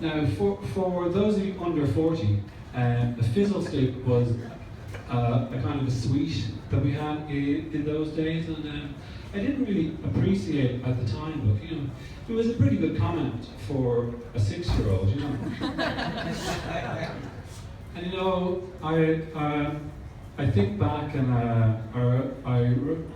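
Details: Real stuttering in an adult male who stutters, performing live stand-up comedy.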